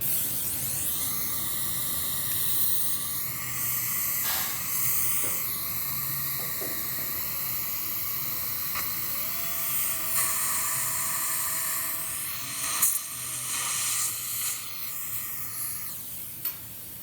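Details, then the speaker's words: Dental pilot drill guided by a stent into a diamond-bur pilot hole on a very thin ridge for mini implant placement: steady high whine with shifting pitch over hissing background. "so I'll take this and I'll just make a small pilot hole for the pilot drill and then take the stand and take the pilot drill it's going to see that angulation hold that tight on my pilot drill should go right back into that hole that I made with a diamond"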